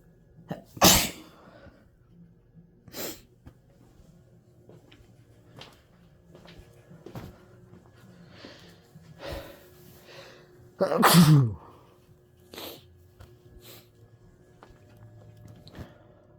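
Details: Two sneezes, one early and a louder one later, with soft breathing and sniffing between, in a person congested for days after flower exposure, deliberately inducing sneezes to clear the sinuses.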